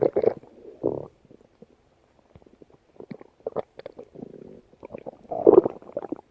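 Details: Stomach growling: bubbling, squeaky gurgles and rumbles in irregular bursts with quiet gaps; borborygmi.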